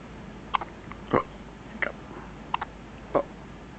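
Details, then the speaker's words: A one-day-old newborn girl gives five short, abrupt hiccup sounds about every 0.6 seconds over a quiet background; she is hiccuping a lot; hiccups. "Oh, you ate too much. She didn't eat enough. But she's hiccuping a lot."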